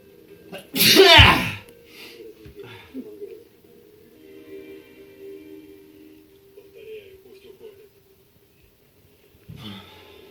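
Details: Sneeze induced by kalanchoe in the nose: one loud explosive sneeze, then quiet room sounds and faint background tones; an ordinary sneeze.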